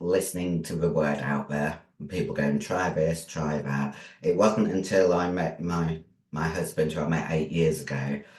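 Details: Adult female bodybuilder with androgen-induced voice deepening (virilization) after large doses of male steroids (performance-enhancing drugs). Her formerly high-pitched voice is now very deep and she can no longer sing. She also has chronic kidney disease and past liver damage.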